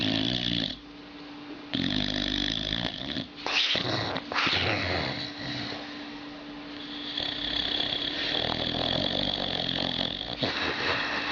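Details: Sleeping dog: rough, rattling breaths, at times growl-like, with some room noise; loud snoring.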